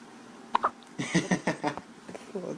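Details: Josiah's first-ever episode of hiccups, recorded while someone tries to get rid of them by having him sit up: hiccups.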